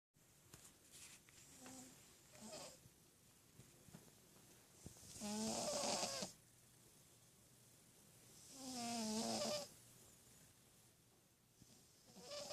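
Slow, rattly snores on the in-breath, about every three to four seconds, with quiet breathing between; a sleeping cat snoring.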